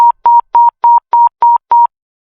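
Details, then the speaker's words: Pulse oximeter demonstration: rapid, evenly spaced beeps at one steady pitch, about 200 a minute, showing a fast heart rate. "心拍数が速いのはどれですか？もちろん後者です。私は他のことをしていました。音が急に上がった。"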